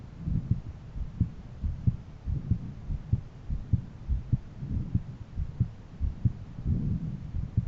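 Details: Own heart auscultated with a stethoscope at different valve areas; heart sounds.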